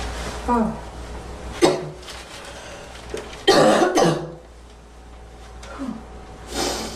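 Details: Young woman performing deliberate coughs and throat-clearing in a quiet room; acted, simulated cough.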